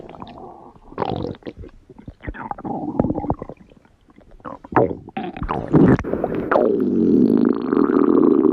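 Irregular gurgles, squeaks and bubbling rumbles that end in a long drawn-out groan: ordinary stomach growling from gas and fluid moving through the gut.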